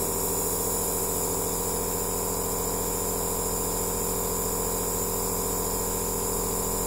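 Steady mechanical hum with a fast buzzing pulse and hiss throughout, typical of an aerosol therapy machine running.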